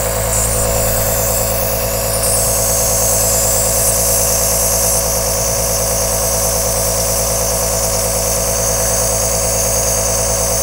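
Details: Continuous sound of a running compressor aerosol nebulizer, recorded as a 10-hour white-noise track: a steady mechanical hum with a fast buzzing pulse and an airy hiss throughout.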